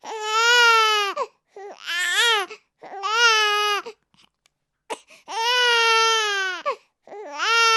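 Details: Sound sample of a crying baby: loud, high, sustained infant wails broken by short catch breaths.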